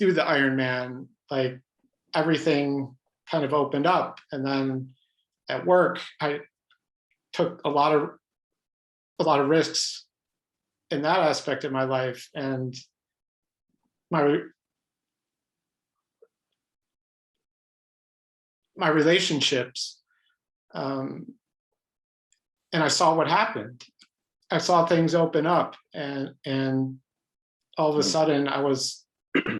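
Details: Adult man who stutters, pattern described as mostly blocks, speaking spontaneously in a real interview; stuttering.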